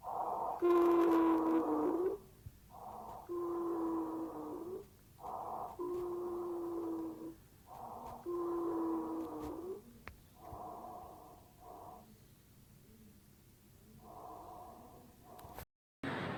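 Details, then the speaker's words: Repeated breaths heard through a stethoscope over the chest of a bronchial asthma patient, carrying clear musical whistling tones; wheezing. "और जब आप state लगाएंगे उसके तो जिजिंग आएगी यह स्टेशन जब आप करेंगे तो आजकल में जिजिंग सीटी बजती आएगी"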